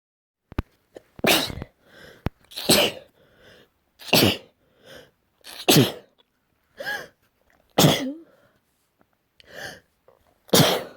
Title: Morning sneezes